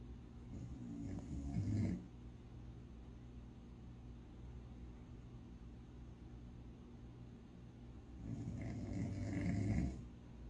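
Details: A puppy snoring like a grown man: two deep, rumbling snores about seven seconds apart over steady room hum; surprisingly heavy snoring.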